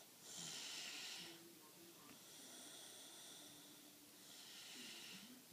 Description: My daughter is a loud snorer she gets it from her dad lol